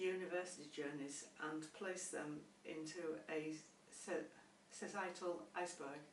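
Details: Adult woman who stammers and is a former speech and language therapy client; stammering.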